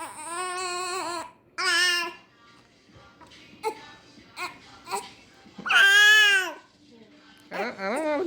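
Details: One-month-old infant with hiccups: several short, high-pitched whining cry bursts separated by pauses while being soothed in a small room; fussing infant cry.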